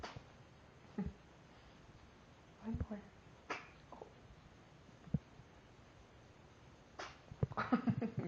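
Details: Cat being made to sneeze: several brief, sharp, puffing sneezes a few seconds apart, with soft shuffling and quiet room noise between them.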